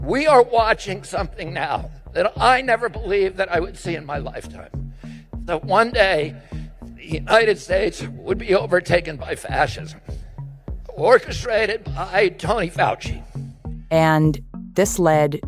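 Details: Adult man with spasmodic dysphonia diagnosed in adulthood; rough, rugged voice that to some sounds hoarse; spasmodic dysphonia.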